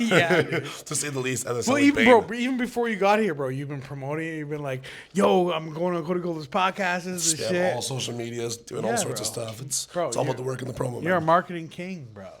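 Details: Adult male speaker; Normal speech.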